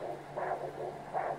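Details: Handheld VD8M vascular Doppler probe at the ankle artery during ankle-brachial index measurement, ankle systolic about 142 mmHg; rhythmic whooshing pulses, a normal multiphasic arterial flow signal.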